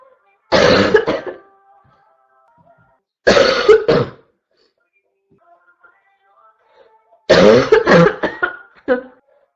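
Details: Girl with constant cough; three harsh, hoarse cough bursts a few seconds apart, each with a quick follow-on hack: barking cough.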